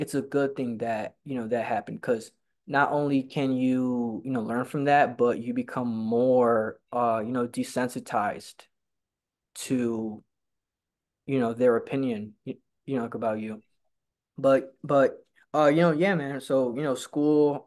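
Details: Stuttering in a male person who stutters who attends stuttering support group meetings.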